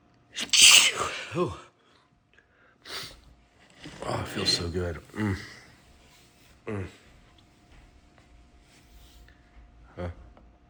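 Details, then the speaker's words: One loud explosive sneeze followed by softer sniffs, gasps and quiet breaths, deliberately induced by sniffing sneeze powder into both nostrils, amid repeated sneezing; "My god. I can't stop." "Hishoo. Ooh. My god. I can't stop."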